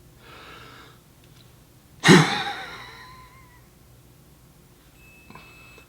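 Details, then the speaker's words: Forced expiration into a home spirometer measuring peak expiratory flow and FEV1: a quiet deep breath in, then a sudden hard, fast blast out fading over about a second; third and final attempt, the highest value of three. "I will obtain now my third and final measurement looks like the third time's a charm this happens to be the highest value of my three attempts"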